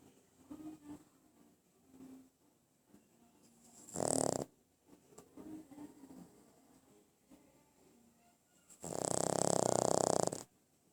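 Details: A sleeping pug, a small flat-faced dog, makes soft snuffling breaths with two loud, rough snorting snores: snoring with noisy upper-airway breathing.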